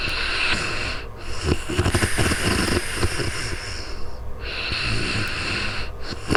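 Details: Real-time sleeping recording on a new microphone: rough, rattling low snores with irregular breathing pauses over a steady hissing background; ordinary snoring during sleep.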